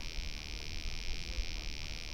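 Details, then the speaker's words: Automated otoacoustic emission (AOAE) newborn hearing screening stimulus: steady soft high-pitched buzzing hiss played through a tiny soft earpiece in a baby's ear; a hearing ear responds with a very quiet sound picked up by the equipment. "A hearing ear will respond to this by making a very quiet sound that can then be picked up by the equipment."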